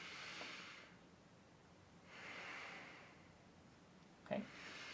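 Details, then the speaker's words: Adult male patient in pulmonary exam demonstration breathing deeply in and out through the mouth during stethoscope auscultation over the back; normal deep breathing. "so Mr L I want you to take a deep breath in and out through your mouth each time when you feel the stethoscope"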